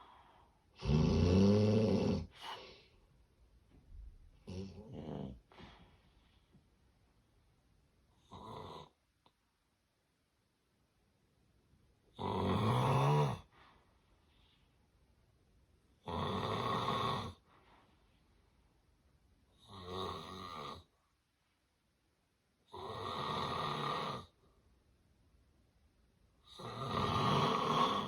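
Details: Severe sleep apnea snoring from a sleeping dog: loud, irregular snorting snores separated by quiet gaps; snoring with sleep apnea.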